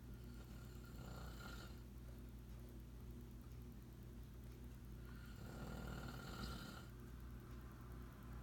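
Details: Grandfather snoring in sleep: two long, low, rattling snores about four seconds apart over a steady background hum.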